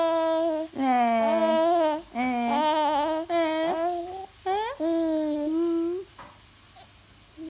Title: Fake crying baby